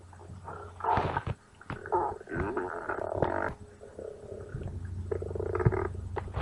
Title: stomach growling on "American Bandstand"